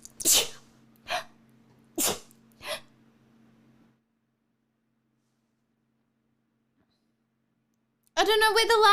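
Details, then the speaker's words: Quick run of four sharp sneezes, sneezing since having something put up the nose; sneeze. "i've been sneezing a little bit since i had to stick the thing up my nose"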